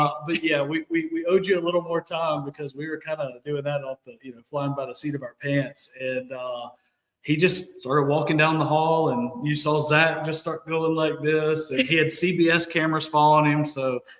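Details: Adult male speaker; normal voice.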